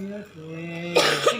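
Two short, harsh cough bursts over a steady musical tone, in an adult with a cold.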